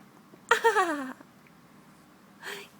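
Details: Baby's hiccups mixed with laughter: laugh hiccup.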